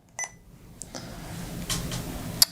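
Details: Eitan Sapphire multi-therapy infusion pump being programmed: a short electronic beep, then soft button clicks and a sharp final beep in a quiet room; keypad tones.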